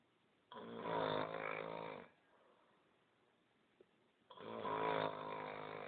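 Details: Snoring in sleep: two long, buzzing snores on the in-breath, roughly four seconds apart, with quiet out-breaths between; plain snoring.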